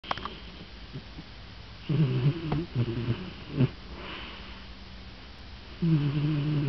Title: A cat snoring